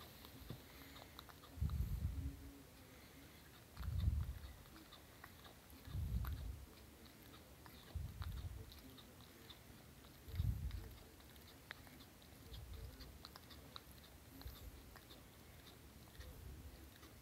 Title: Cat grinding teeth